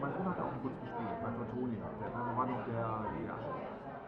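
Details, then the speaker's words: Simulated age-related hearing loss: how a conversation in background noise sounds to older listeners, a muffled, dull babble of several voices with no crisp consonants. "Así suena aproximadamente una conversación para las personas con alguna pérdida auditiva relacionada con la edad"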